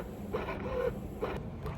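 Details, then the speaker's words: Medela electric breast pump on a nursing mother switching to letdown phase, with slower but longer suction cycles, about one every 0.9 seconds: drawn-out mechanical pumping. "and you can tell right now it just went to the letdown phase and you can tell that the pump is like slower but longer"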